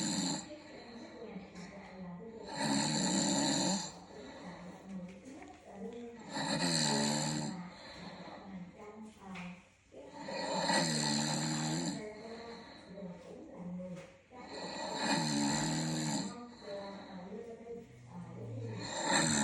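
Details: Adult snoring during sleep at 2 a.m.: loud, regular vibrating snores on each breath, about 15 a minute, in a quiet room. Finding: snoring.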